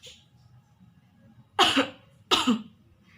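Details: Two short, forceful dry coughs, slightly muffled, as if into a hand; a deliberate demonstration of cough etiquette covering the mouth.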